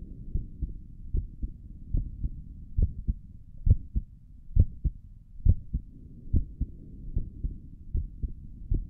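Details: Own heartbeat recorded through a stethoscope on the chest for relaxing ASMR: steady soft lub-dub at about 68 beats a minute with a low hum behind; stomach gurgles occur in the recording; normal heart sounds.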